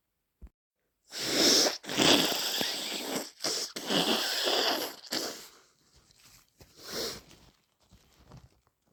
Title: Full of the cold - Sneezing and blowing (Compilation)